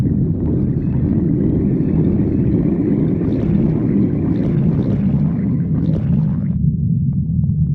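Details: Loud stomach growling (borborygmi): a steady, deep, droning growl lasting several seconds with a rising and falling tone; a normal digestive sound.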